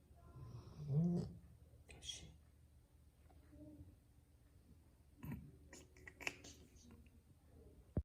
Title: 래브라도 리트리버 코고는 소리 (Labrador’s snoring sound)